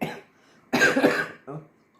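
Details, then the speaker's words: Short run of about three rough, forceful coughs from an adult cook, the middle one longest; the cook remarks the cough doesn't sound good. "Vous entendez, ma toux, c'est pas beau, hein."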